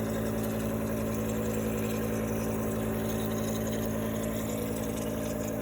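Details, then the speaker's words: Home nebulizer compressor running with 60% ethyl alcohol in the nebulizer cup, used to atomize droplets for sterilizing surfaces; a steady low motor drone with a fast buzzing pulse. "this is a nebulizer machine you can get these on ebay you can also get them from your doctor on prescription"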